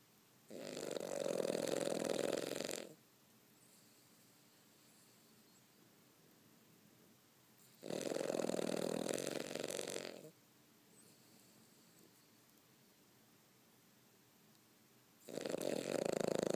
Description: sawing some serious logs...